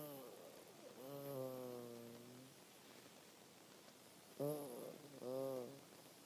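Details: Terrier dog snoring in sleep with soft, tonal, whistling breaths separated by long quiet gaps: whistling snoring.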